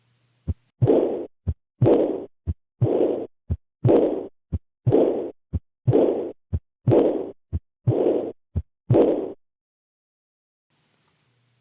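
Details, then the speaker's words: Teaching recording: regular heartbeat near 60 a minute, each beat followed by a blowing decrescendo diastolic murmur that fades away; aortic regurgitation. "as the blood flows backwards from the aorta into the lv the pressure in the aorta decreases and thus the pressure gradient also decreases this shape is known as decrescendo"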